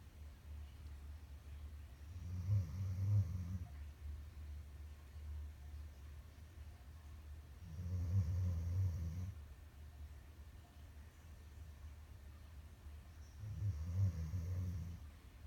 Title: He snore.